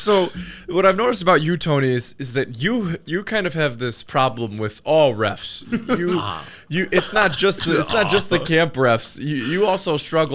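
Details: Adult male speaker; Normal conversational speech.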